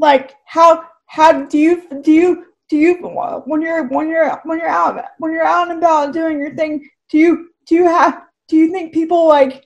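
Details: Dysarthria from cerebral palsy in a woman who says her speech is clearly affected by the condition.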